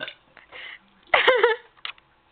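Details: A girl's voluntary belch: brief soft sounds, then one loud, drawn-out, croaking burp lasting about half a second, followed by a small click.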